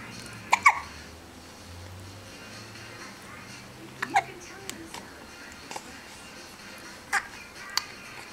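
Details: Infant with hiccups while eating his fist: short, sharp gulping sounds at irregular intervals, about five in eight seconds, faint background talk, no crying; hiccups.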